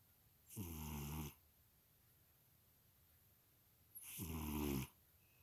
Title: snoring cat